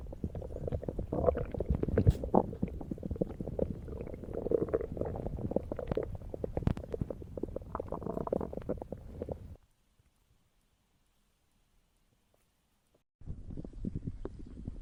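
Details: Long, low rumbling and gurgling from the belly, a pause of silence, then more rumbling; ordinary stomach growling (borborygmi).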